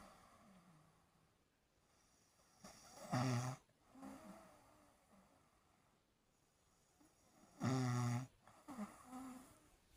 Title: snoring 🤣🤣🤣